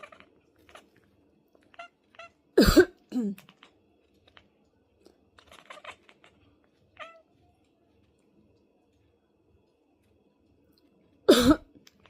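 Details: A person's cough while their cat reacts: two loud, harsh cough bursts some seconds apart, with faint soft meows and small noises between them.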